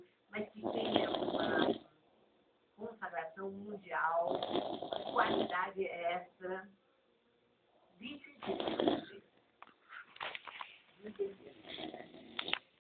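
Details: Adult man (the filmer's father) snoring heavily during sleep: loud, rattling snores in irregular bursts with short quiet gaps between breaths.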